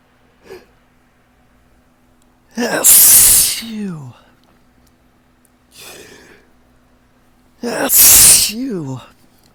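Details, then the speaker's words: Person with ragweed pollen allergy on a windy morning: two loud, wet, drawn-out sneezes, each preceded by a hitching inward gasp, with a faint catch of breath between. "It's just like a domino effect in my nose. I just one sneeze just kind of leads to the next."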